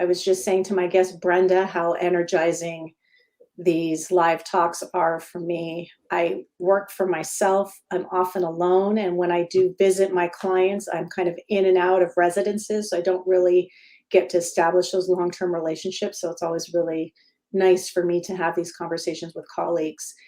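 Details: Adult woman speaking; normal speech.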